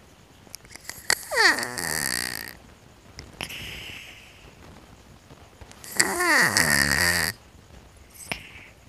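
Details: Odd whistling, rising-and-falling squeaky sounds on breaths with clicks between them from a sleeping cat; unusual cat snoring.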